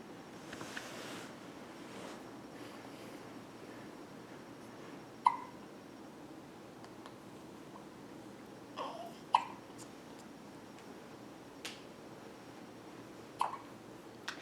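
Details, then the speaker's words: Infant girl's hiccups, which now come on with nearly every bottle feeding and usually end the feed: four brief, sharp hiccups over about 14 seconds against soft hiss, with faint babbling early on; her tongue comes out with each hiccup. "she's started getting the hiccups pretty much every time she takes a bottle now usually kind of end the feeding session"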